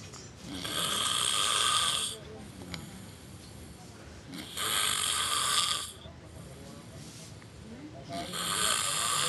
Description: My Brother Snoring. LMAO.